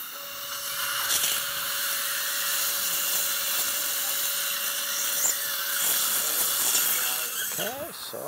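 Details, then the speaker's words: Live patient guided implant surgery with a CEREC Guide 2 drill kit for a 3.5 x 11.5 mm MegaGen implant: steady high whine of the surgical drill running, then stopping amid faint room sounds. "next this is a pointy drill this is gonna help me guide my yeah okay select mega gen implant is say 3.5 by 11.5"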